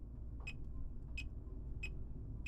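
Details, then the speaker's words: Fingertip pulse oximeter beeping at about 90–100 per minute over low room hum, readings about 96–106 after recent activity, measured simultaneously with a Realme Watch 5 smartwatch heart rate monitor for comparison. "let's have the checking or have let's have a simultaneous monitoring of our heart rate with a fingertip pulse oximter."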